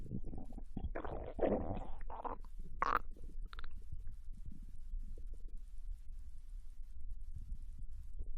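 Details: Bowel sounds recorded from a Japanese girl lying on her side in bed while digesting ramen: low gurgling and rumbling in the first few seconds, then quiet with faint background hum; normal digestion.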